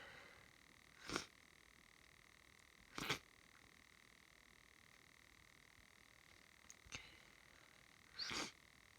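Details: Hay fever sneezing after gardening, still continuing: three soft, sharp sneezes a few seconds apart with a steady high tone behind; repeated allergic sneezing.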